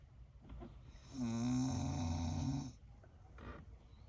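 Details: Senior rescue pit bull asleep, giving one loud, drawn-out, rattling, buzzing snore followed by quieter breathing: dog snoring.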